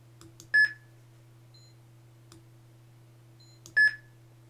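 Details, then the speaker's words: Simulated cardiac monitor on a PC-based ECG rhythm simulator with the transcutaneous pacer activated and milliamps increased to achieve capture, rate settable; two short identical high beeps about three seconds apart with soft clicks. "we also have a Pacer you can also activate and you can increase milliamps to see full"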